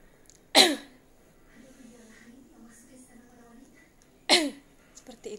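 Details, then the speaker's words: Nursing student demonstrating the effective cough technique, taking a breath in then coughing spontaneously: two sharp, forceful single coughs a few seconds apart, with quiet breathing between. "pernapasan batu efektif ini kita menarik nafas atau spontan kita langsung melakukan pembantukan contohnya Hai Tarik nafas lalu kita langsung spontan batu kan"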